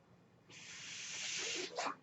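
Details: Mechanical ventilator breath cycle.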